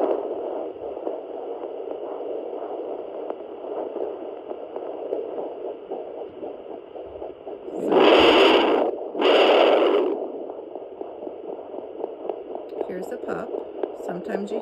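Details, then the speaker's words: Handheld human fetal Doppler on a pregnant dog at about 45 days: fast, soft whooshing puppy heartbeat overlapping the mother's slower heart rate, interrupted by two loud probe scrapes. Fetal heartbeat. "so the slower heart rate is olives this one here is also and this faster one is a pups"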